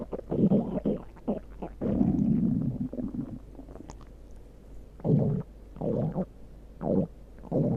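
Loud, low gurgling growls in repeated bursts with short quiet gaps: stomach growling, normal bowel sounds.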